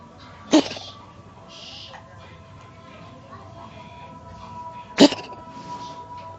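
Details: Two short, sharp cough bursts about four seconds apart, with faint steady tones and room noise behind; cough.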